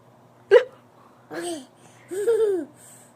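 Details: Person having hiccups for the first time: three short, sudden voiced hiccups about a second apart, each a quick catch of breath with a brief squeak; hiccups.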